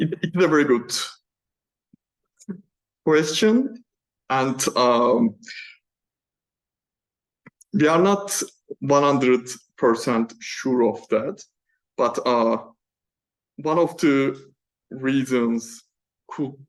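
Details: Male PhD student who stammers, speaking spontaneously in a Q&A without the self-developed fluency method he uses for prepared talks; stammering.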